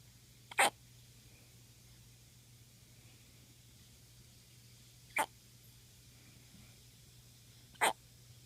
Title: Hiccups!